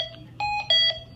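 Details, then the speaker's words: Hamilton T1 transport ventilator, one that has failed before; target FiO2 100%; a clear repeating electronic tone pattern: the oxygen supply failed alarm. "you're going to see an oxygen supply failed you can notice that my target fio2 is 100% and I have an oxygen supply failed alarm I'm gonna immediately check my source"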